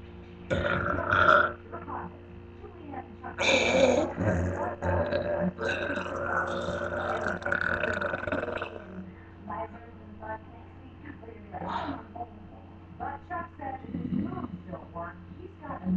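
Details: Really long burps: several long, drawn-out belches with a low rumbling voice quality over faint background noise, repeated eructation.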